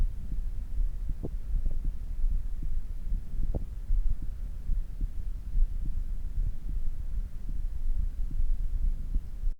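Muffled low heart thumps under a steady hum, beating at a moderate, regular rate as the heart settles after exercise; normal heart sounds.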